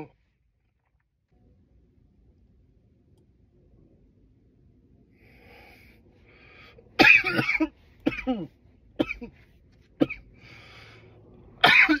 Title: some loud coughs